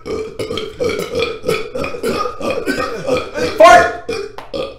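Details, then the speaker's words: Male YouTuber in a burping compilation: a long, rumbling, voiced belch lasting several seconds with a louder surge near the end; normal burp (eructation). "oh man excuse me I just burped oh excuse me"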